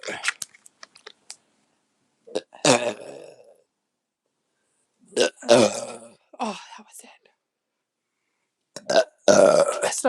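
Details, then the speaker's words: Short, muffled belches with clicks and mouth noises in a quiet room from an adult after sharing a six-pack of beer: belching (eructation). "um the beer wanted to come up uh [Music]"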